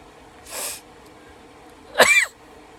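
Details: Sneeze deliberately triggered by cayenne pepper applied to the nostrils on a q-tip: a soft rushing inhalation, then a sharp forceful sneeze ending in a brief squeaky voiced release.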